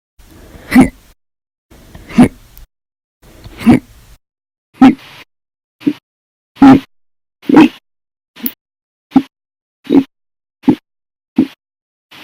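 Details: Audio-only recording of repeated hiccups, thirteen short sharp gulping hiccups in about twelve seconds, some loud and forceful.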